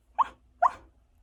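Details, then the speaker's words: Adult woman with Tourette syndrome: two abrupt, high-pitched squeak-like vocal bursts about half a second apart. "while experiencing ticks and if anyone asks all i have to do is say don't worry it's just a tick"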